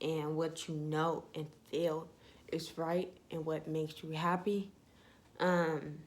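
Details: Young woman with ataxia (self-reported type 46), symptom onset in her junior and senior years of high school, with leg shaking, poor balance and twitching; she says her voice trembles whenever she talks; voice tremor (ataxia).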